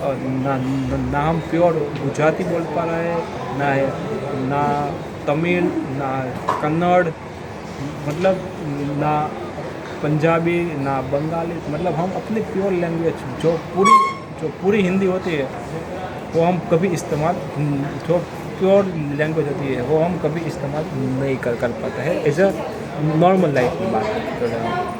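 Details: Adult man who stammers, with mouth ulcers affecting his lips, on day 68 of daily stammering practice in a hospital; stuttering.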